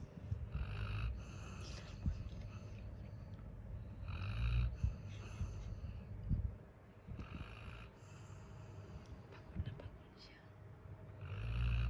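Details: Labrador dog asleep after playing all day, snoring loudly: low, rumbling snores on each breath, about four breath cycles in twelve seconds.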